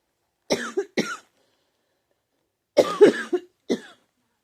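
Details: Adult diagnosed with pneumonia, saying the cough hurts: two bursts of harsh, somewhat wet coughing, about five coughs in all.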